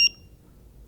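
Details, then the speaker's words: Dental curing light beep: a single short, high-pitched electronic beep from a cordless light-curing pen marking the start of a normal 20-second cure, used to set a mixture marking information onto a dental appliance. "I then place this down over. I then cure normally for 20 seconds."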